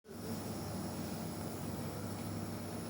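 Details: A child receiving nebulizer steam therapy for a cough while being told to breathe it in: steady mechanical hum and hiss of the compressor running continuously while it delivers the mist.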